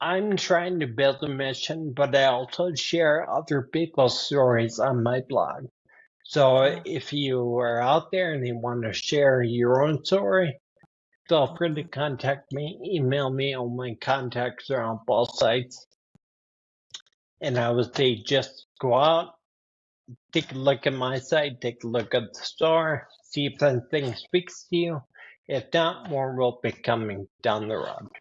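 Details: 52-year-old man with spinocerebellar ataxia type 15 (SCA15), a rare progressive neurodegenerative disorder; speech worsening since his early 40s, along with balance and handwriting; ataxic dysarthria.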